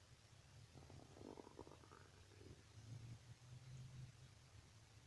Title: Strange stomach noises